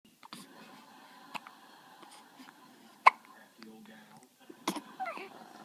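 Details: Quiet, sharp, isolated hiccups at irregular intervals, with faint whispering and small room noises.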